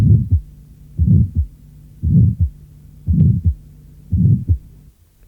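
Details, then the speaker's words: Innocent functional systolic murmur, usually heard at the apex, second intercostal space and neck, with surprisingly loud intensity in the neck. "L’intensité du souffle dans le cou est surprenante."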